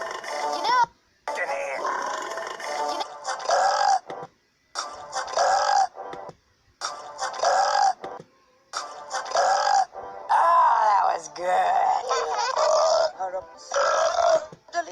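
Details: Burping compilation: a series of drawn-out, voiced throaty belches separated by pauses, faint music behind.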